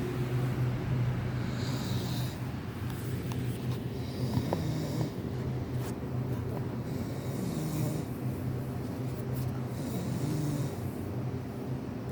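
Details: Person snoring close to the recorder's ear while denying being asleep: continuous low rumbling snore with snorting breaths over steady background noise; snoring.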